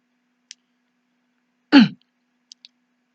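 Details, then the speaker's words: An actor demonstrates a "tickle" for a COVID cough explainer, giving a single brief, light throat-clearing hack as if clearing a tickle in the throat; throat clearing. "you just got a little tickle in the throat you're just trying to clear it there"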